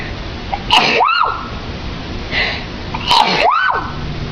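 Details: Two sneezes from a woman, each a sharp inward catch then a forceful burst with a rising-then-falling voiced tail; she says she sneezes multiple times; ordinary sneezing.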